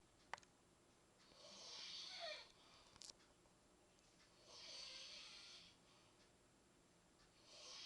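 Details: Light snoring from a sleeping man: soft, hissy breathing noises recurring about every three seconds in a quiet room.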